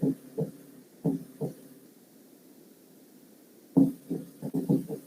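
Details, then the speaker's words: Mitral valve prolapse with a midsystolic click: low heart thumps about 60/min with extra short clicking sounds crowding the first sound. "cuando hay un prolapso de válvula mitral y entonces aquí voy a ponerle ajuste o chasquido 15 como una palomita que está encima él encima del techo de su casa y así y es casi inmediato"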